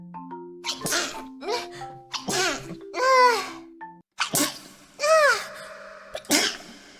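Several short, high-pitched sneezes with squeaky voiced tails and brief breaths between, over light background music; repeated sneezing.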